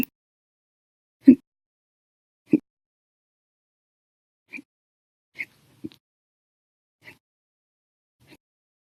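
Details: Run of violent, loud hiccups: short, sharp gulping bursts repeating about every second, in an episode lasting 12 hours 36 minutes after breakfast, lunch and two cups of soda after dinner.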